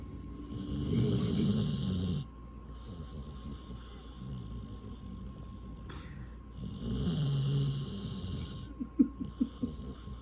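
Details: Sleeping dog (female) snoring like a human, sleeping with eyes open: low rumbling snores on two breaths with quiet gaps, then soft snuffles; steady background hum.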